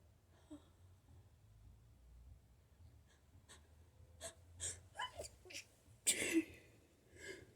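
Soft sniffs and short nasal bursts build to one louder sneeze in a quiet room, a sneeze with nose clearing typical of allergies.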